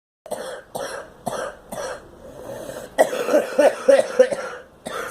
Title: Girl coughing